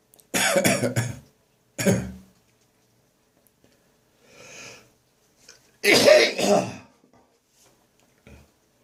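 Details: Adult whose cough returned after seeming to clear, recorded on the morning of St Andrew's Day: repeated harsh, forceful cough bursts in clusters with softer strained retching between them. Cough with gagging.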